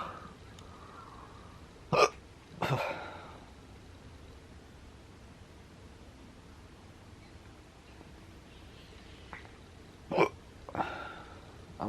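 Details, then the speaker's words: Person with a persistent, severe case of hiccups that hurt their chest and head, planning to drink water to stop them: two sharp hiccups about eight seconds apart, each followed by a short breathy exhale, over steady background hum. "go drink some water or something hopefully that goes away if not I'm screwed here's my chest"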